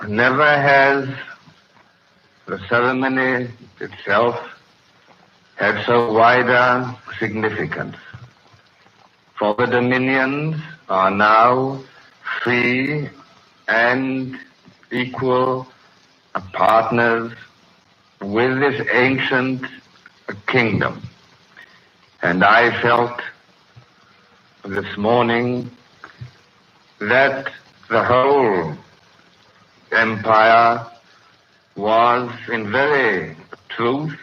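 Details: Adult man with a severe stutter, in his May 1937 coronation-day radio broadcast before full speech therapy; hesitations are heard throughout.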